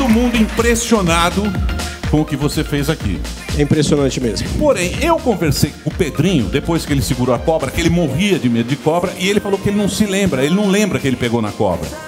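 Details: Adult male speaker; normal speech.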